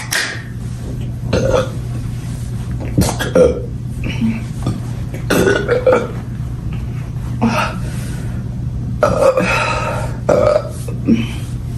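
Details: Compilation of burping: several loud, low, drawn-out belches in a row over steady background hum and noise.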